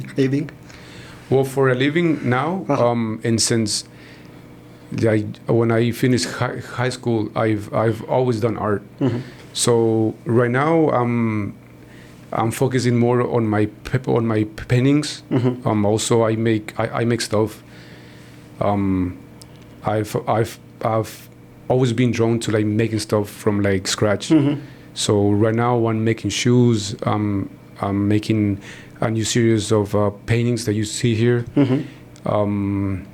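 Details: Stuttering in a man in his 40s, born in Mexico and living in Texas, first noticed around age five or six; his father also stutters and he believes it runs in the family.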